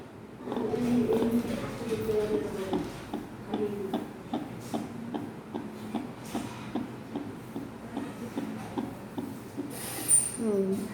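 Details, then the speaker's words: Fetal Doppler probe on the mother's abdomen with gel, midline between left umbilicus and left iliac spine: rapid, regular whooshing fetal heartbeat at about 150–152 beats a minute, a normal fetal heart rate. "केते रोज फिटाल हार्ट 150 152 भितर आम फिटाल heart rate रोच है तेणु आम फिटाल हार्ट कौन अच्छी ठीक ठाक अच्छी।"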